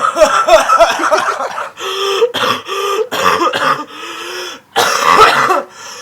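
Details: Someone who is sick has a prolonged coughing fit: a long run of harsh, repeated coughs with throat clearing and strained, drawn-out sounds between bursts.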